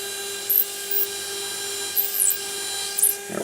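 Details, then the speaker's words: Dental implant drill preparing an interforaminal osteotomy in the lower mandible for Zest SATURNO narrow implants, pumped up and down to full depth using the drill stop: steady high-pitched motor whine with brief scraping bursts, apparently on a practice jaw model. "using my drill stop as a guide pumping up and down until i've reached my full implant osteotomy depth pumping up and down and up and down"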